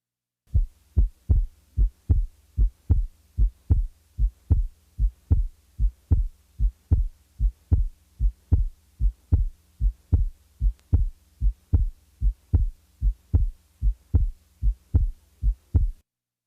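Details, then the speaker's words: Split second heart sound played for contrast with an opening snap. Its components are about 30 ms apart, narrower than the 60–100 ms gap between S2 and an opening snap. Steady heartbeat about 75/min. "now compare a split-second sound to that of the opening snap note that the interval of the second sound split is narrower about 30 milliseconds than the distance between the s2 and the opening snap 60 to 100 milliseconds"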